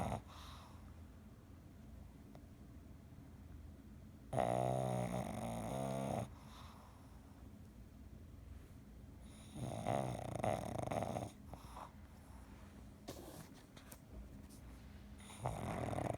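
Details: Pug asleep, with loud rattling snore bursts about every five to six seconds and quieter breathing between; snoring in a flat-faced dog.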